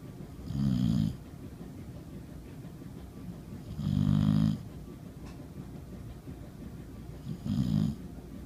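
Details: A dog (Budro Bears) sleeping and snoring: three low, rumbling snores a few seconds apart with quiet room noise between; ordinary dog snoring.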